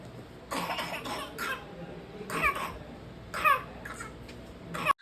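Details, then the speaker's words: Child with whooping cough (pertussis, Bordetella pertussis), coughing many times in one breath; a run of harsh coughs with brief high-pitched catches between them. "اس میں بچہ ایک سانس میں کئی دفعہ کھانسی کرنے کی کوشش کرتا ہے، چھوٹے پتر چھوٹے"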